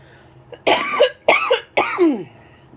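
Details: Three short, rough coughs in a row from an adult woman who is ill, sleepy, homebound all week and taking cough drops.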